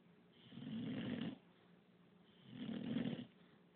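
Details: English bulldog said to snore constantly: two drawn-out, rattling snoring breaths, each about a second long, with quieter breathing between.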